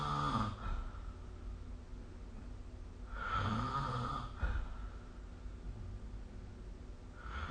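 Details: Soft, low, throaty snores repeating every few seconds against faint room hum, recorded with the SnoreLab app; snoring during sleep.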